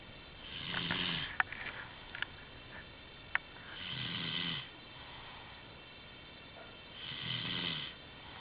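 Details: Snoring during sleep: three rough, rattling snores on in-breaths about every three seconds, roughly 20 a minute, with quiet pauses and faint clicks between; snoring unchanged since early recordings.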